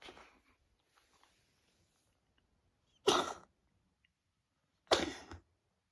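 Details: A ginger cat, said by the owner to be sick, gives two sharp, explosive coughs about two seconds apart after a faint softer sound, then purrs.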